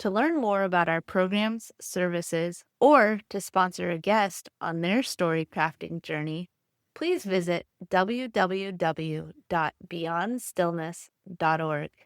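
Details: Adult woman; normal speech.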